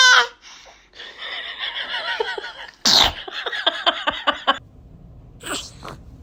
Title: Baby sneeze